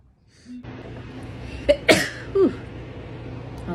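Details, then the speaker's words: Two sharp sneezes close together after a quick intake of breath, then a brief voiced sound. "i don't know i just sneezed out of nowhere i think because i was a little cold today it's been a little chilly but uh random sneezes comic could just because spring's nearby"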